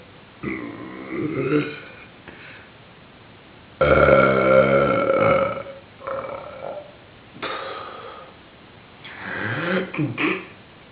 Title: Burps